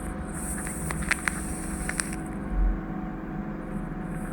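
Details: Endoscopic ear microsuction of sticky wax that gets trapped at the entrance and is gently teased out: continuous suction hiss with brief crackling clicks as wax is drawn into the tube.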